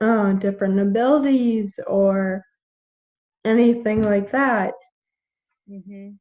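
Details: 21-year-old woman with Friedreich's ataxia, a genetic neuromuscular degenerative disease; symptoms from about age 9, diagnosed at 13, with progressively slurred speech. Finding: ataxic dysarthria.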